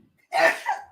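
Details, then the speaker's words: A single sharp, explosive sneeze from a woman across the room, fading over a fraction of a second, heard during a live stream. "there's that professional sneezer professional sneezer makes herself known how cool is that bless you miss honeybee"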